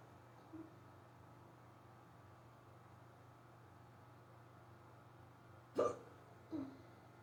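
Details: Severe, rapid hiccups that began suddenly on waking and lasted almost 20 minutes, recorded near their end: three short, abrupt hiccups, one faint and two louder, over a quiet room hum.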